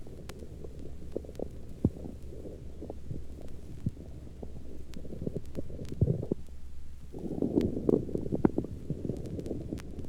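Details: Normal, very active bowel sounds from hunger, heard late in the afternoon in a tracing taken at the heart apex: frequent low gurgles, rumbles and bubbling bursts over a steady hum.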